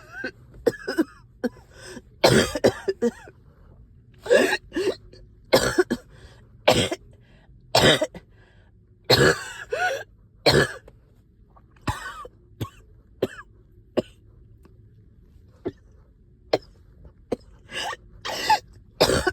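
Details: Productive cough, about fourteen wet rattling coughs with throat clearing bringing up sticky phlegm, while up all night with heavy chest and headache.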